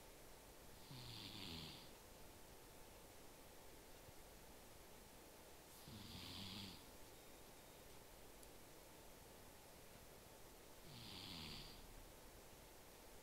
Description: My cat is small, but the snoring sounds she makes could wake the dead.